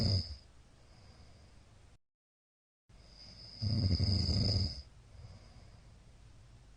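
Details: Middle-aged man snoring in sleep, recorded 15 February 2022: quiet sleep breathing, then one loud, rough, low snore on an in-breath.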